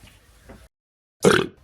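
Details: Cat: soft sounds, a pause, then one loud, rough, throaty burst; a burp.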